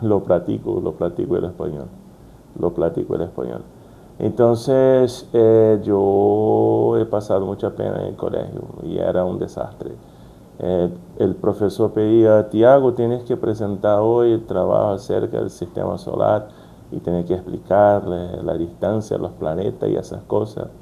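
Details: Brazilian adult man with stuttering since childhood, working to overcome it, speaking Spanish as a second language, with word repetitions; stuttering.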